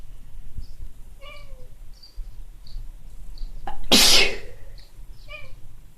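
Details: One sharp, explosive sneeze attributed to hay fever in Ireland, with light background noise and a few faint chirps around it.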